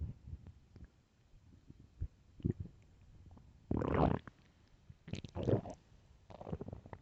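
Loud gurgling, rumbling bursts with softer bubbling between them; ordinary stomach growling from gas and fluid moving through the gut.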